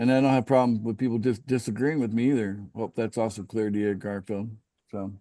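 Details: Adult male speaker; normal voice.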